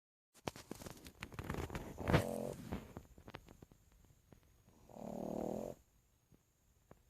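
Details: Pug snoring while asleep: clicking, snorting breath noises, then one steady buzzing snore, typical of a flat-faced dog.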